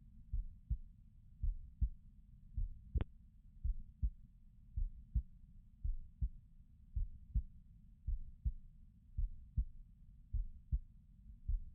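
Steady, regular paired lub-dub thumps at about 54 beats a minute: a slow, even heartbeat.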